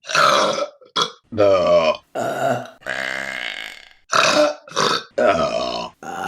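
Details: Burping from a burp compilation: a series of loud, long, voiced belches in quick succession.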